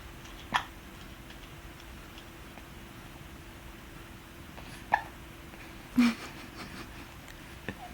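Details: Baby with hiccups having trouble keeping his pacifier in: three brief, sharp hiccups spaced a few seconds apart in a quiet room.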